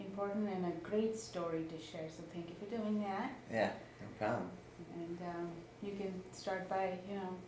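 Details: Adult female interviewer; normal fluent speech.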